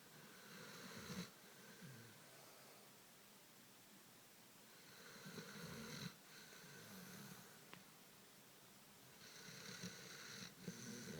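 A sleeping dog snores loudly in a small room, with rough rattling breaths in slow irregular cycles.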